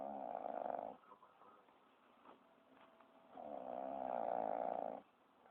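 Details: Two long, loud, buzzing snores on in-breaths separated by a quiet out-breath, from a sleeping dog: snoring.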